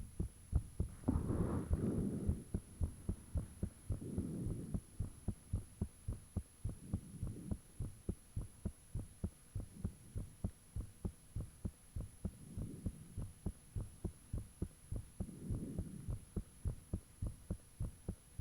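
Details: Self-recorded own heartbeat with fan off, taken shortly after heart began feeling unusually thumpy; strong regular paired thumping beats with periodic whooshing breath noise and faint steady hum. Heart sounds.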